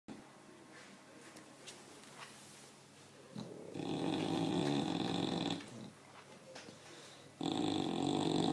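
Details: Loud, rough snoring in long drawn-out breaths with quieter breathing between, from a tired, sleeping English Bulldog; snoring.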